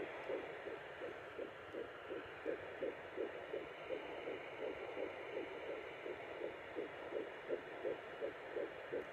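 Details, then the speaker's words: Fetal heartbeat at 10–11 weeks of pregnancy, picked up with a doppler pressed on the mother's abdomen: rapid, regular whooshing pulses at about 165 a minute over a faint hiss, a normal early-pregnancy rate. "So anyway, let me cut this short, because what I'm gonna try to do is actually put baby's heartbeat on."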